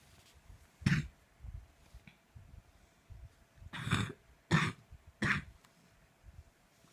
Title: So this coughing fit happened at 2am. Make it stop.